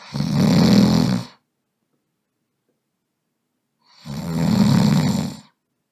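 Two long, rough, low rattling snores with a silent pause between them; an animated character's snoring effect.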